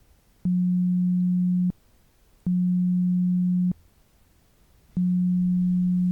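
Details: Simulated hearing-test roleplay (ASMR ear exam) while counting beeps: three steady low pure tones, each about a second long, with short pauses between them; pure-tone audiometry tones.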